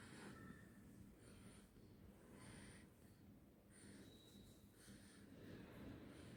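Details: 4-month-old baby boy asleep, with soft, irregular snuffly nasal breathing; gentle infant snoring, noisy breathing.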